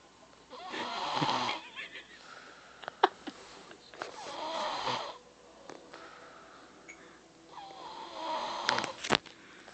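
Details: Three loud snoring breaths in about ten seconds with a whistling, rattly quality and brief snorts between, in a sleeping 3-year-old child; snoring.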